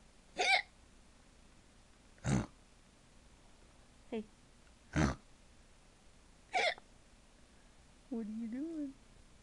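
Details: Parent imitating hiccups for a toddler son: five short, sharp hiccup-like gulps at irregular intervals, then a brief voiced sound; fake, not real hiccups.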